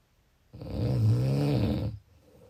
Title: Snoring . 19 April